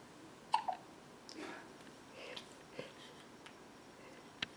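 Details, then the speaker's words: Infant girl with hiccups that now come with nearly every bottle feed, near the end of feeding; tongue comes out with each one. Several brief, sharp, quiet catches of breath at irregular intervals: hiccups. "are you done with the hiccups almost"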